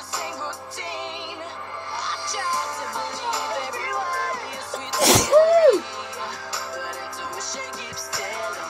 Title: Inducing A Sneeze While Listening To N Dubz